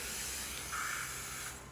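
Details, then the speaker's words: Simulated EMT skills demonstration, no patient: steady hiss of oxygen at high flow, 10–15 L/min, from a cylinder regulator port filling the reservoir bag of a non-rebreather mask before it is placed on the face. "I'm going to attach my non-rebreather to the correct Port of my O2 tank and I will turn it on to high flow between 10 and 15 L per minute cover this make sure my bag feels appropriately"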